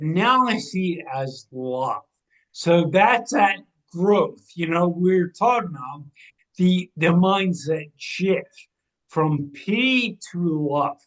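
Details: 45-year-old man with cerebral atrophy and ataxia, a degenerative brain disease diagnosed in 2013 (also given as 2014) affecting movement, balance and speech; speech changes began around 2020 as it progressed; ataxic dysarthria.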